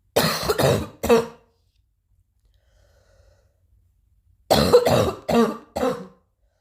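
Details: Two bursts of dry-sounding coughing, three coughs then four, separated by a quiet pause.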